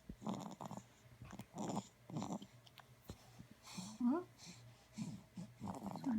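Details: Soft rhythmic snuffling snores, about 30 a minute, from a sleeping 4-week-old puppy, with quiet talk and a small whine in the background; snoring.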